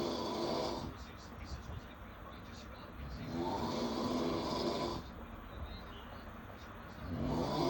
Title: Us at 3am 😴🥱 #fyp #snoring #baby